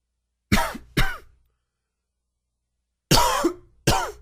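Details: Two pairs of sharp, dry coughs with a whistling, wheezy edge in a quiet room, attributed to allergies; dry wheezy cough.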